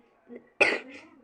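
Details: A single short cough after a brief murmur, from a person who says they are unwell.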